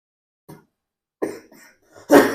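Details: Child coughing during a home massage therapy demonstration for treating cough: several short coughs, ending in one stronger, harsher cough burst.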